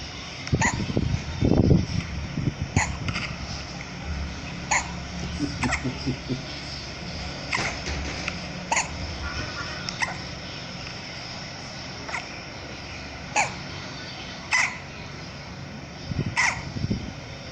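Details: Baby girl with hiccups, which she always gets when drinking her milk too fast; brief sharp catches recurring every second or two against low room noise.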